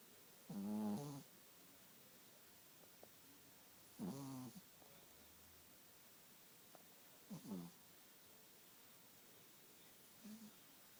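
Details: Sleeping teacup poodle snoring in bed: four soft, irregular snores, each with a low buzzing tone, in a quiet room.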